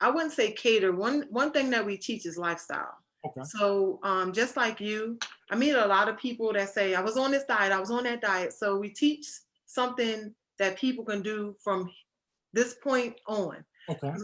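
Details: Adult woman speaking; Normal speech.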